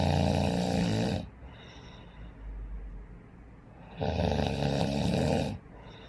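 Two loud, rough, rattling snores on breathing in, with quieter breathing between them.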